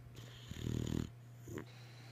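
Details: One low, rumbling, fluttering snore on the in-breath, then a softer snuffle, over a steady background hum, from a sleeping boxer dog: snoring.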